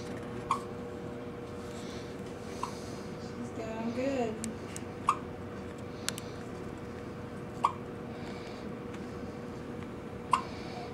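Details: Hiccups in a hospital, recorded May 3, 2010: brief, sharp hiccups roughly every two to three seconds over steady room hum, with a short voiced sound in between.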